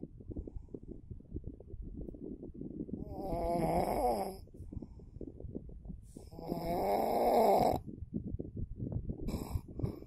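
Two long, rattling snores on the in-breath, about four seconds apart, over a noisy background.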